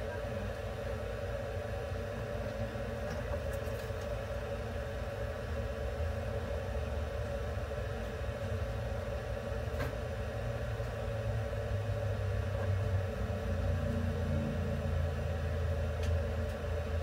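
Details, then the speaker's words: Budgerigar (pet parakeet) under veterinary treatment receiving warmed, humidified oxygen therapy inside a running incubator at a veterinary clinic. "インキュベーター内で高温保湿酸素療法をしています。"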